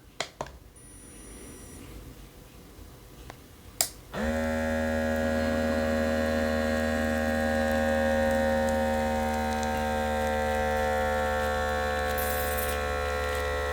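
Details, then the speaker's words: iHealth Bluetooth blood pressure monitor, automatic reading started with the start button: a click, then the steady motor hum of the cuff pump inflating. The reading was 132, called high normal; user reports sweaty hands, anxiety and stress. "so now that everything's set up good I want to take an actual readin now I did try this a few times times because I wanted to make sure that it seems like everything's working correctly so we're going to go ahead and do that we're going to press the start button here"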